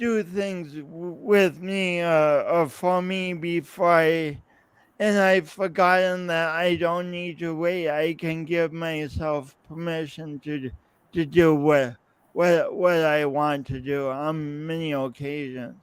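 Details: Real male's lifelong speech impediment with coordination differences, his own condition; disfluency with repetitions heard in speech; finding: speech impediment with disfluency.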